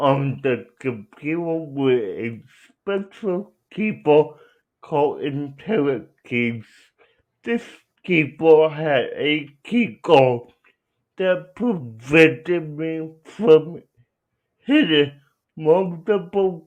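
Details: Adult man with cerebral palsy, real patient answering interview questions; dysarthria (cerebral palsy).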